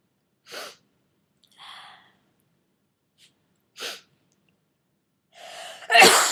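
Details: Several sharp explosive sneezes from a person getting over a cold, each a quick intake then a forceful burst of air, the last loudest, part of a run of 34 sneezes: sneezing.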